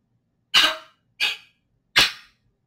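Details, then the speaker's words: Dog coughing: three short, sharp, harsh bursts about 0.7 seconds apart. "C'est quoi ce bruit? C'est le chien. C'est le chien qui tousse."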